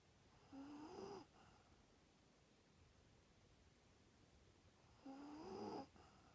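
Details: Sleeping rat terrier dog: two drawn-out, rising, rattling snores about four seconds apart in a quiet room; ordinary snoring.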